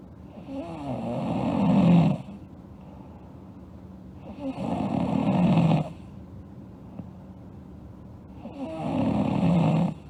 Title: Sleeping Girl Snoring (ALSG) Part 1